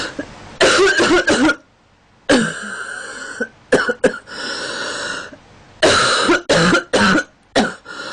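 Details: Girl with a stuffy, itchy nose in cold weather: several bouts of short, harsh coughs with throat clearing in a quiet room.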